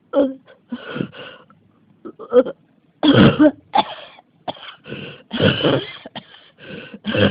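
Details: Persistent, unstoppable cough, tagged with pneumonia and asthma: repeated harsh cough bursts and throat clearing in close succession.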